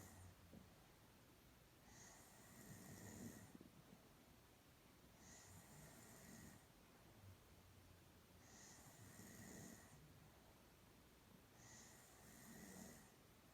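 Soft, regular snoring with a faint whistle, about four breaths over thirteen seconds, near 18 a minute, in a quiet room.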